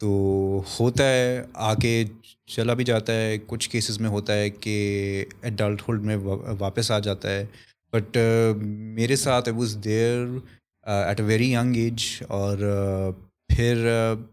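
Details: Adult male with stuttering (stammer), reportedly worse when he is conscious of it.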